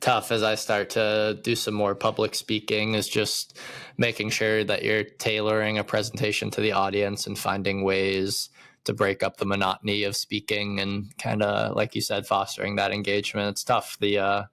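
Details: Adult male speaker; Normal conversational speech.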